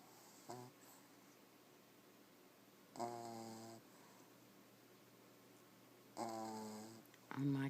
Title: Sleeping at my computer ! One eye open and the other closed !Snores like the big boys